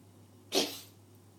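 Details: Cat coughing: a single short, forceful burst that fades quickly, with an oddly human quality.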